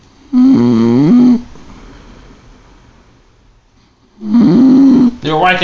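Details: Person snoring heavily: two loud, rough, droning snores separated by a quiet pause.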